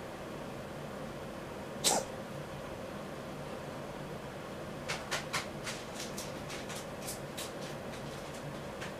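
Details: Cat described as feeling unwell gives one sharp expulsive burst, then a rapid run of about a dozen short, softer hacking coughs in a quiet room.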